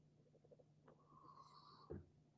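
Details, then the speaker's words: Animal asleep beside the speaker snoring: soft snuffling breaths, a high whistling nasal tone, then a short snort. "That's just Hank. If you hear the snoring next to me, I'm sorry. This is what we're working with here."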